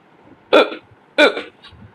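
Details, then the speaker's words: Two abrupt, sharp voiced hiccups about 0.7 seconds apart in a quiet room, each a sudden catch of breath; the person says they have been hiccuping repeatedly since morning. Hiccups. "காலையில இருந்து ஒரே விக்கலா வந்துட்டு இருக்கு. யாரோ என்ன நினைக்கிறாங்கன்னு நினைக்கிறேன்."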